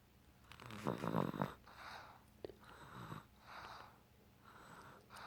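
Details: An infant's rattly, snorting snore, followed by softer noisy breaths in a steady rhythm; infant snoring.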